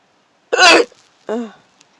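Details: Hiccups in a car: two abrupt voiced gulping sounds about three-quarters of a second apart, each a sharp catch then a brief vocal release.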